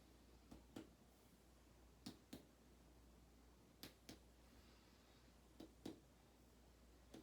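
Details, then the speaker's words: Percussion over the intercostal spaces of the back of a male patient with his shirt off, during a respiratory assessment demonstration: paired finger taps repeated four times, giving hollow notes; resonance with no dullness, a normal lung percussion note. "so we're just gonna do some of that over our landmark so so doing it over the intercostal spaces here i'm hearing no dullness just resonance"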